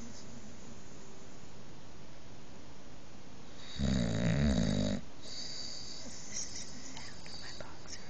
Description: Not only does Halo the boxer take over the bed, she is a very loud snorer!